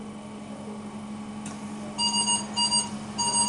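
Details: High inspiratory airway pressure alarm on a mechanical ventilator: repeated high-pitched electronic alarm tones over a steady machine hum, from critical care training on troubleshooting high airway pressure; a potentially life-threatening alarm.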